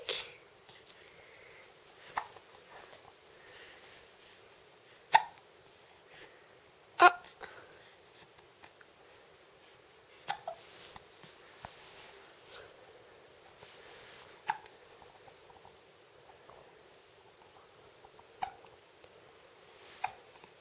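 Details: Short, sharp hiccups repeating irregularly, about seven in twenty seconds, over quiet room noise, in a 10-week-old baby.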